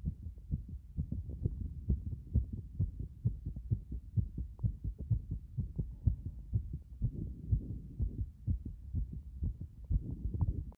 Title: 風呂上がりの激しい拍動